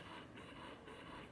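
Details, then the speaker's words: Medela Pump In Style Advanced electric breast pump with tubing connected, switched to stimulation mode: steady mechanical hum with soft rhythmic pulsing. Electric breast pump running (stimulation mode). "and then you'll take the other end and plug it into your breast pump and i will tell you guys how that sounds in a second and then what you do is you turn on the stimulation notch"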